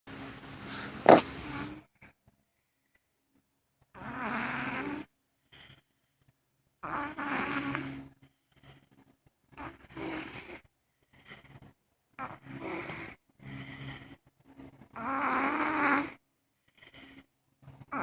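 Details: A man snoring: irregular buzzing, fluttering breath noises every few seconds in a quiet room; snoring.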